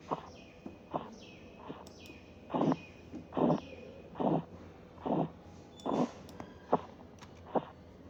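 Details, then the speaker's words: Korotkoff sounds heard during a blood pressure measurement training exercise, reading 118/72 mmHg (acceptable answer systolic 116–120, diastolic 70–74); regular soft thumps at about 72 a minute, louder in the middle then fading. "el nivel de presión de este paciente registrado es de 118,72 milímetros de mercurio su respuesta debe haber estado entre 116 120 de sistólica entre 70 y 74"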